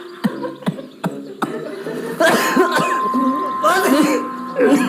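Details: Compilation of coughing sounds. Cough.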